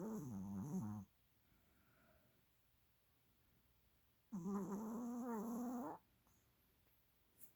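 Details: Snoring: two separate voiced, rumbling snore sounds in a quiet room, each lasting one to two seconds, with a long silent gap between.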